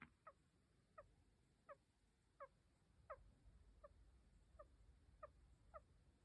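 Faint, rhythmic little squeaky chirps at about 85 a minute, one per breath, in a quiet room: a hamster snoring in its sleep.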